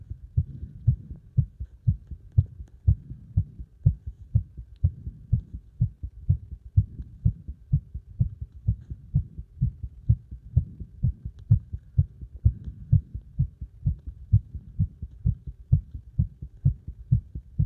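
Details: Fast, forceful, regular heartbeat at roughly 128 beats a minute, a racing heart under strong exercise load.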